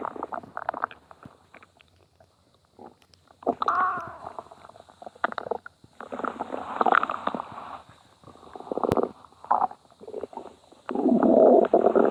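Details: Stomach growling: irregular bursts of low gurgling and rumbling from the belly with quiet gaps, a normal digestive sound.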